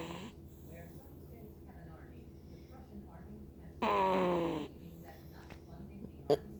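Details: Snoring in a sleeping Shih Tzu–Pekingese mix puppy, born February 13th, napping on top of its owner: one loud, honking, snort-like snore lasting under a second over quiet room noise.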